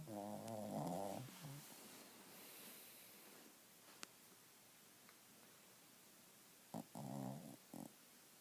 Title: Stella snoring